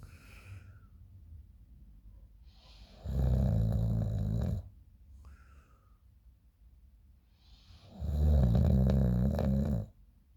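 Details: Person snoring in the morning, recorded by a friend: two loud, low, rattling inhaled snores about five seconds apart with quiet breathing between; ordinary heavy snoring.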